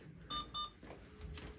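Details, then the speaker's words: Alaris infusion pump demonstration: two short electronic beeps in a quiet room, a hard-limit alert after the rate is changed to 500, exceeding the drug library's accepted limit; the rate must go back to 200 mL/hour. "this is the hard limit so this is librogram that mean you are exceed the limit the accepted limit you have to back to the 200 millimeter"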